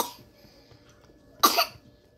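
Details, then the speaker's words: A single short, harsh cough from an 11-month-old boy with asthma, whose inhaler did not help during his latest attack; he still coughs a little when drinking and eating. "and he's still doing a little coughing when he drinks eats"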